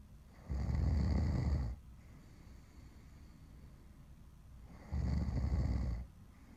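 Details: Recorded snoring: two long, deep rumbling inspiratory snores about four seconds apart over a steady background hiss; regular heavy snoring.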